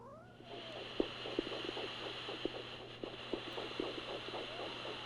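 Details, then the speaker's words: Doppler arterial pulse from a cat during a blood pressure check: probe with lube on the digital artery of the paw, cuff to be inflated. Quick rhythmic whooshing pulses over a steady hum, about 130 a minute. "And right now I'm listening, waiting to hear the blood flow. Once I hear the blood flow, I'm going to slowly inflate the cuff."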